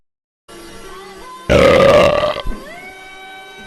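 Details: A man burps after eating 7-Eleven wings that he says hurt his stomach: one loud, drawn-out rumbling belch lasting about a second, with music in the background.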